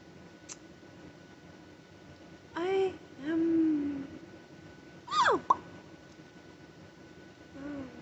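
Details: Vocal tics in a tic attack in a parent after a stressful day, while being treated for a bad ear infection with antibiotics, steroids and Tylenol, off Benadryl: brief squeaky wavering sounds and short voiced bursts in clusters.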